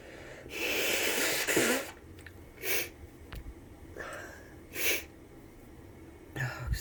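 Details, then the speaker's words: Flu-like cold: a long forceful sneeze, then several shorter sneezes and sniffs with a wet, congested sound, followed by need to blow nose; sneezing. "Bless me. Oh, that was messy. I have to blow my nose so bad."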